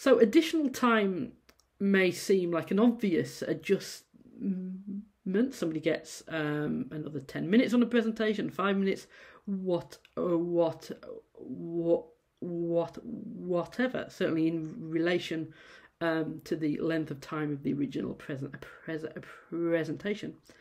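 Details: Adult female university lecturer who says she stammers; audible sound repetitions at word starts; stuttering.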